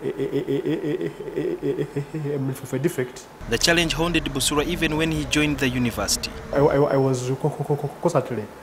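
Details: Adult male speaker; speech.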